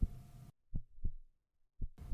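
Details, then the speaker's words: Simulated fetal heartbeat in neonatal resuscitation training: few slow, widely spaced low thumps showing falling heart rate during terminal apnea after gasping stops: fetal bradycardia. "The heart rate will continue to drop, and if not delivered soon, the fetus will eventually die."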